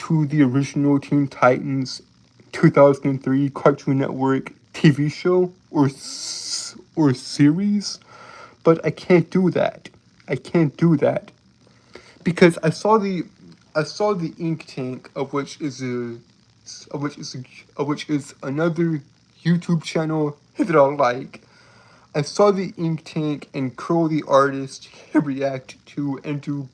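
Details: Man who reports a speech impediment causing him to stutter and trip over his words; stuttering.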